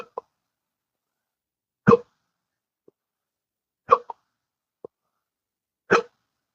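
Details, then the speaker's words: Adult in their 60s (turning 65) with persistent intractable hiccups since colorectal surgery in 2015, now ninth year, worsening, at least 12 hours daily: abrupt hiccups about every two seconds, roughly 30 per minute, with small catches between. "I'm in n my ninth year. I can't believe that. And it's getting worse. It's uh every day at least 12 hours a day."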